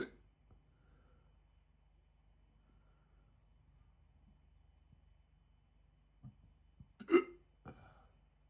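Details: Hiccups starting almost immediately after eating a chicken tikka jalfrezi curry, audio only: a few short, abrupt throat catches near the end, one louder than the rest, in a quiet room.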